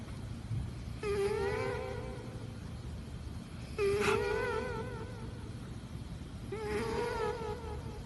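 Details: Sleeping cat snoring: three high, whistling, slightly wavering tones repeating about every three seconds, roughly 22 breaths a minute, over a low background rumble.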